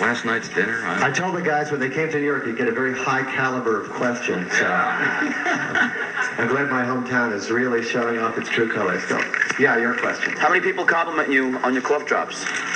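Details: Adult male speaker; normal fluent speech.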